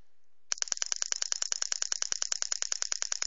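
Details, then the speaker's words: Pneumatic radial shockwave therapy device (LGT-2510B, 1–5 bar): rapid, sharp clicking pulses from the handpiece, about 200/min, firing steadily. "okay now we set to the max pressure now only the voice from the applicator the machine you can you can pay attention for the machine the machine is very very silent because we use very powerful uh oil your compressor"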